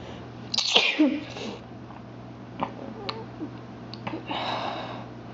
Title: a couple sneezes